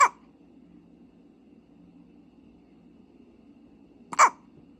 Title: Oh no, having hiccups! #baby #cute #babyfever